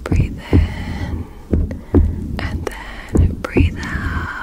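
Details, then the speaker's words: Simulated exam in an ASMR medical roleplay: soft, low paired thumps of normal heart sounds through a stethoscope placed at the shoulder, muffled by hiss and handling noise. "I'm just going to get your heartbeat now."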